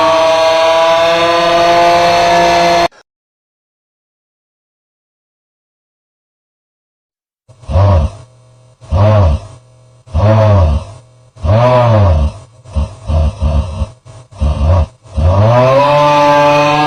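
A series of loud, rough, throaty snoring sounds.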